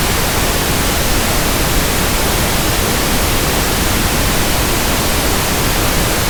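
Steady, even hiss like soft static: pink noise for matching persistent background tinnitus.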